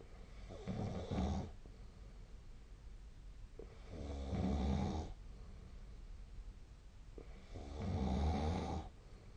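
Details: Snoring during sleep: three loud rumbling snores on in-breaths, about 17 breaths a minute, with quiet out-breaths between.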